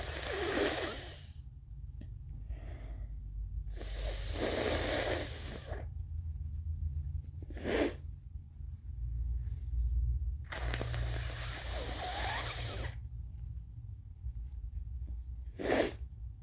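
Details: Person with hair in a towel blowing their nose: long, forceful nose-blowing bursts with two short, sharp, unexpected sneezes over a steady low room hum; afterwards they say they feel dizzy.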